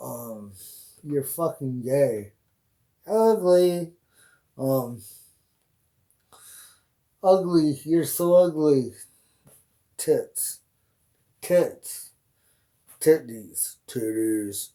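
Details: Adult man with Tourette syndrome, neck and shoulder tics starting about six or seven years ago, producing involuntary insults and obscene words; vocal tics with coprolalia (Tourette syndrome).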